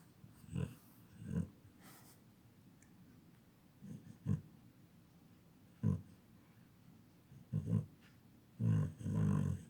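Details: Low, rattling snorts and snores recurring irregularly every few seconds from a sleeping dog, sounding much like a person snoring.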